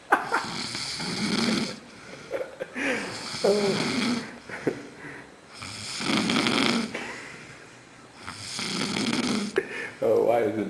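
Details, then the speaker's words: Man asleep after a drunk night out: loud, rough snores with rattling inhaled breaths, roughly five in ten seconds, with short snorts between; loud snoring. "you're snoring really loud. Huh? I said you're snoring really loud."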